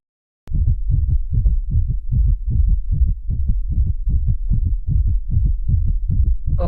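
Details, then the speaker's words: Simulator demonstration of sinus tachycardia: rapid, regular lub-dub heart sounds with no murmur, played as the fast heartbeat before the normal heartbeat in an internal medicine teaching exam. "all right so this is the normal heartbeat this this is okay sorry this is the fast heartbeat"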